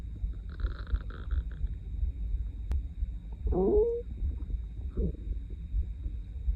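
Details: Stomach growling at 7am before breakfast, after more than 20 hours with an empty stomach, loud enough to hear without a mic: low rumbling with a rising, squeaky gurgle midway and a shorter gurgle after; hunger borborygmi.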